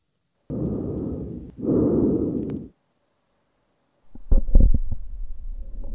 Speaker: Cuando vamos para auscultación pulmonar, él va a auscultar el pulmón, él va a escuchar.